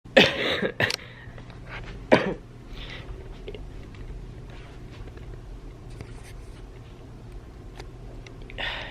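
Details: Coughing while sick in bed, with difficulty breathing: a few harsh coughs at the start, one more shortly after, then quiet room noise.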